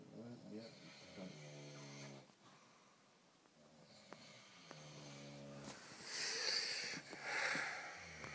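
Buzzing, tonal snores on breaths in a quiet room, with some rustling noise toward the end; snoring.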